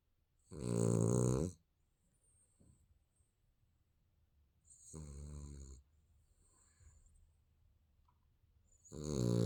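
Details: Baby snoring during sleep: loud, rough, buzzing snores on each breath, about every 4 seconds, in a quiet room.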